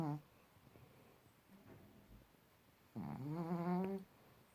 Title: Pekingese snoring